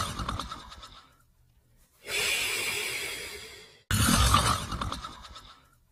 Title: Border Collie & Australian Shepherd Sleeping & Snoring